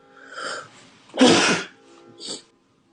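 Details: Celebrity sneeze compilation: a quiet intake of breath, then one sharp, forceful sneeze and a short trailing sound; a single sneeze.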